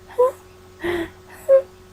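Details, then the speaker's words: Adult imitating expiratory wheeze: three brief whistling, breathy out-breaths demonstrating that wheezes are heard on expiration as air struggles past a nearly closed bronchus, in contrast to inspiratory stridor; teaching on respiratory infections in children. "En cambio, las sibilancias, tú lo escuchas en la expiración, cuando bota el aire, o sea, respira así."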